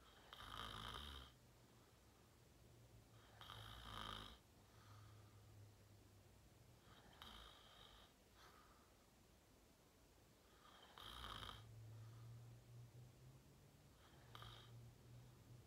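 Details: Person filmed asleep, falling asleep fast and sleeping deeply; loud, rough snores with each breath, about 19 a minute, a deep vibrating rattle between them in a quiet room; snoring.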